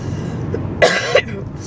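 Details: Adult with a viral illness, worried it could turn into pneumonia, after a doctor's visit where cough medicine was prescribed: two short, harsh coughs over steady road noise from a moving car.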